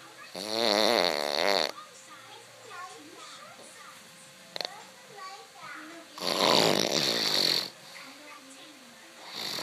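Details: Loud, fluttering snores on the in-breath, two in about ten seconds, with quiet background sounds between them; ordinary snoring.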